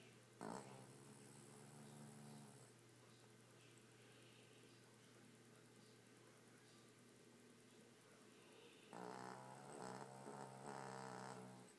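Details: Snoring dog: two buzzing, nasal snoring breaths separated by a long quieter stretch, with steady background hum.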